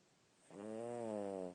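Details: Loud snoring during sleep, hard to wake: one long, steady, rumbling, buzzing snore on an inward breath in a quiet room.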